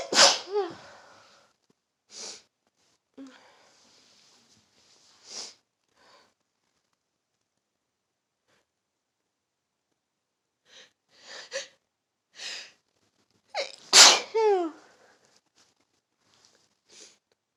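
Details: Seasonal (fall) sneezing fit: a run of repeated sneezes, some loud and some softer, separated by sniffs and short pauses.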